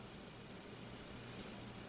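A steady, very high-pitched pure tone starts after a brief silence and steps slightly higher near the end, over faint low hum. A hearing-test tone audible at any age.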